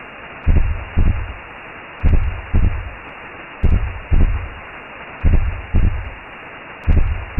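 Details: Simulated womb sound made as a sleep aid for babies: low, muffled whooshing thumps in pairs, roughly 80 a minute, over steady rushing noise, recreating the mother's heartbeat.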